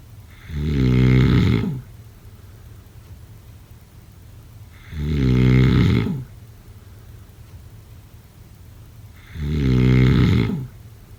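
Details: Loud, rumbling snores on each breath in, about 14 a minute, with quiet gaps between.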